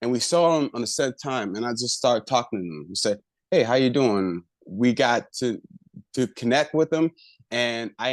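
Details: Adult man with aphasia after a left-hemisphere stroke about a year earlier, still working on over-articulation and word retrieval: aphasia.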